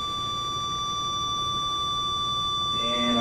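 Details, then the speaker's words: Valleylab Force II electrosurgical unit (ESU) fired in cut mode via foot switch, simulated on an apple with a grounding pad, during a student preventive-maintenance demonstration: steady high continuous activation tone, sizzle rising near the end as it cuts. "i'm going to select the foot switch for cut first you can hear the beeping of the unit or the i should say not beeping but the continual tone"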